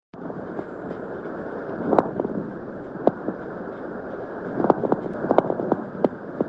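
Muffled breath noise with scattered short grating, creaking bursts in clusters over the breath cycle: a pleural friction rub.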